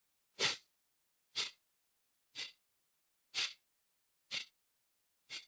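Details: Kapalbhati pranayama: six short, forceful hissing exhalations through the nose, evenly spaced at about one per second (60 a minute). Each exhalation is active with the abdomen pulled in, and inhalation is passive; Kapalbhati breathing.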